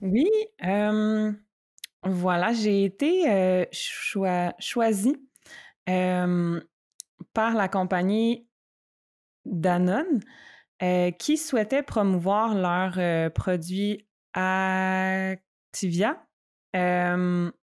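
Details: Stuttering in an adult woman who stutters, speaking spontaneously in French in a podcast conversation.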